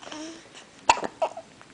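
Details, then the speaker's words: 3-week-old baby girl, 8 lb 12 oz, awake with frequent hiccups: two or three abrupt, short gulping bursts in quiet room noise; infant hiccups. "we have the hiccups again look at us and our cute little pink"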